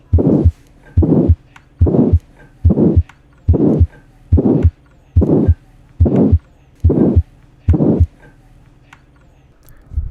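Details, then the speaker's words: Supravalvular aortic stenosis systolic murmur, congenital, best heard at the aortic area: grade 3–4/6, medium pitch, harsh, diamond-shaped, no aortic ejection sound. Regular heartbeat near 71 a minute. "lo ocultamos de mejor manera en el área aórtica y su presten al de intensidad 3 sobre 6 4 sobre 6 duración variable tono medio cualidad áspera y sin ruido de excusión aórtica y con la configuración en forma de diamante y se escucha de la siguiente forma"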